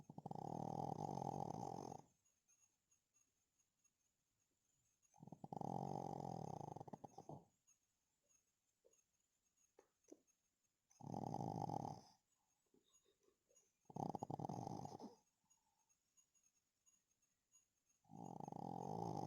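Loud, rough snores about two seconds long, recurring roughly every three to four seconds, with quiet pauses between them: snoring in a sleeping small dog.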